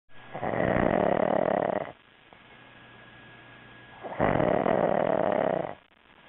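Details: Adult friend asleep on a couch after a two-day drinking bender gives two long, rough snores of almost two seconds each with a quiet pause between: snoring.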